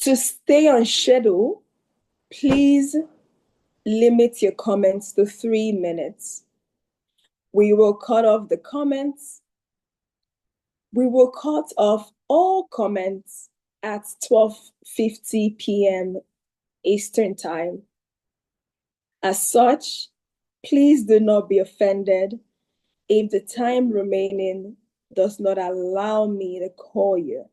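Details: Adult woman; ordinary speech.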